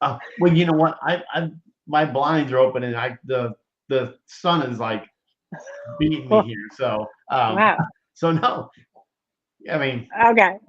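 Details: Post-stroke aphasia in a 57-year-old woman after a major ischemic stroke in 2011 at age 45 affecting her right side and speech; initially unable to talk, now improving but worse with emotion.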